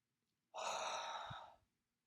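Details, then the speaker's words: Demonstrated low-level huff cough for airway clearance: one long, steady, breathy open-mouth exhale with an O-shaped mouth, slightly more forceful than a normal exhale but not over the top; performer notes current allergies. "So it's a little bit more forceful than just a regular exhale, but not anything over the top."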